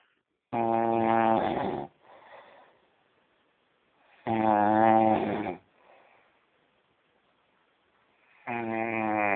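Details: A sleeping person snoring in Mauá: loud, buzzy, tonal snores on each in-breath, about 16 a minute, with softer breathy out-breaths between; ordinary snoring.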